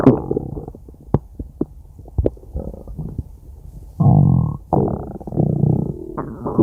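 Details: Low gurgling and rumbling with clicks, then longer drawn-out growls; ordinary stomach growling (borborygmi) from gas and fluid moving through the gut.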